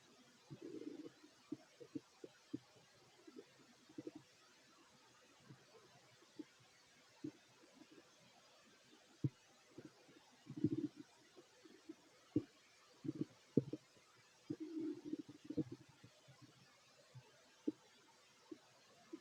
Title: [REQUEST] Fit male stomach growls while eating 😋 (Part 2)